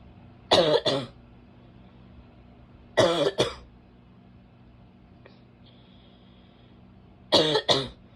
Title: barking cough (f)